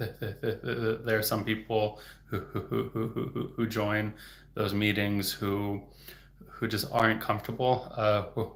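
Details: Stuttering in an adult man speaking in a livestream; he reports getting stuck on words.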